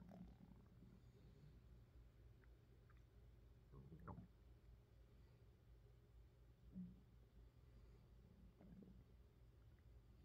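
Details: Faint low gurgles and rumbles over a quiet hiss, recorded close to a woman's belly for ASMR while she is hungry; hunger-related stomach growling, a normal bowel sound.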